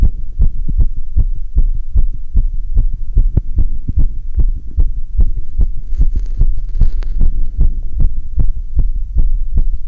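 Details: Severe sinus tachycardia after exercise on a rowing ergometer, heard by stethoscope auscultation: very fast, steady heartbeats.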